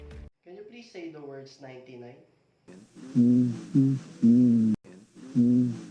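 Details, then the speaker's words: Examiner asks the patient to say "ninety-nine" to assess transmitted voice sounds after abnormally located breath sounds; low, muffled, indistinct voice through the chest wall, as normally expected: bronchophony test. "ask the patient to say 99 normally the sounds transmitted through the chest wall are muffled and indistinct now their voice sounds are called bronchophony"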